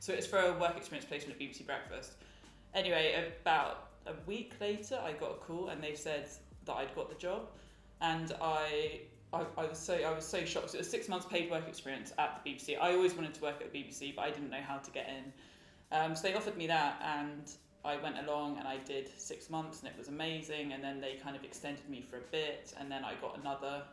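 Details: Adult woman who has stammered since childhood and uses fluency techniques, so the stammer may be barely audible; stuttering (stammering).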